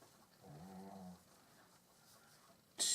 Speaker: Okay, you can hear my dog snoring.